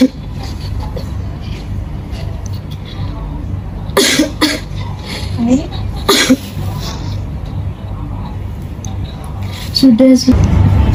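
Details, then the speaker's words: Acted nurse demonstration: a few forceful cough bursts after three deep breaths, over breathing and room noise; effective cough technique to bring up sputum from the airway. "Silakan dicoba ternyata Tarik nafas tiga kali kemudian sentakan badutnya"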